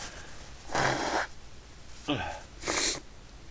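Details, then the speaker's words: Two or three sharp, explosive sneezes over a steady background hiss from a person who has been sneezing repeatedly all day; repeated sneezing. "I'm not done yet I'm to sneeze again excuse me I sneeze all night"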